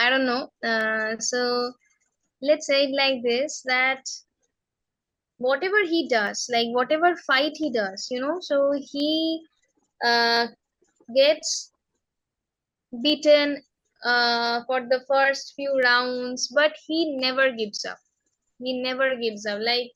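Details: Adult woman who stammers, speaking in a real interview; stammering (stuttering).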